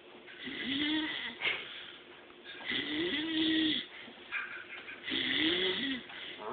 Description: This is our friend who does not believe he snores... What a bitch!! LOL